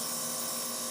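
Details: Nebulizer compressor running during a treatment for phlegm: steady high-pitched mechanical whine with hissy airflow.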